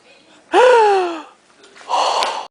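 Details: A sharp voiced inward gasp, then a breathy rush of air, in a small room, recorded around a beer bong event in 2005 where a man sneezed beer; a sudden gasp.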